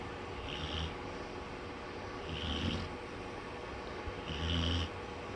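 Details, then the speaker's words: A Black Labrador, a heavy snorer, asleep on a bed after being scared by bad weather and thunder: low, rumbling snoring breaths with a soft whistling edge, three in about five seconds, over steady room noise. "You're snoring up a storm."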